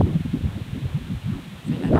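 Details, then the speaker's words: Fetal heartbeat on ultrasound Doppler at 21 weeks of pregnancy, baby head down, heard through the thorax: rapid, regular whooshing pulses at 148 beats per minute, normal for this stage; normal fetal heart rate. "Donc aujourd'hui le rit cardiaque 148 battements par minute. Fait que ça c'est complètement normal pour ce stadeci de la grossesse."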